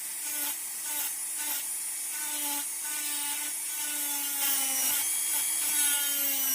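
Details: Dental high-speed handpiece with diamond point on a typodont mandibular first molar (#36), full veneer crown preparation, proximal (distal then mesial) surface reduction: continuous high-pitched whine with rhythmic grinding strokes.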